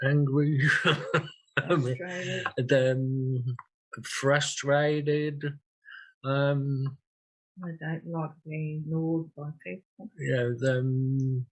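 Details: 56-year-old woman with aphasia after an ischaemic stroke 10 years earlier and a later TIA, with trouble producing little words, intended words not coming out; aphasia.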